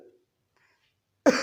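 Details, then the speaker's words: Adult doctor imitating a single-paroxysm cough: one sharp, isolated cough after a brief pause, which brings relief for a while. Simulated teaching example. "मतलब एक बार में खांसी तो है उसे, लेकिन एक ही बार खांसने से उसको थोड़ी देर के लिए आराम मिल जाता है।"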